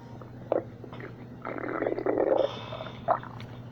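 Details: Stomach growling (borborygmi): low gurgling and rumbling with a couple of brief squelches over faint background hum.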